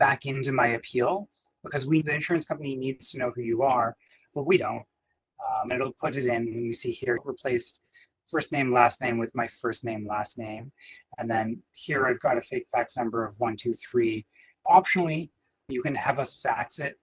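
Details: Adult man speaking; ordinary speech.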